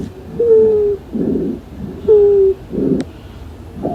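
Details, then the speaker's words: Breath sounds with a high-pitched, musical, whistling tone on each breath out, from air passing through occluded or obstructed airways; wheezes. "Las cibilancias se caracterizan por un sonido musical y agudo parecidos a un silvido que suenan así, ya que se deben al paso del aire por vías respiratorias ocluidas u obstruidas"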